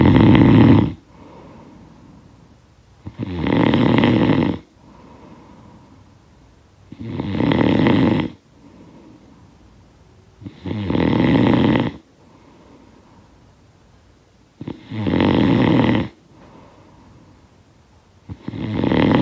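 Six loud, vibrating snores in regular succession, about 16 a minute, with faint breath sounds in the pauses. Snoring.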